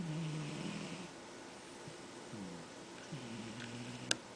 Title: MOV00254 Sammy Snoring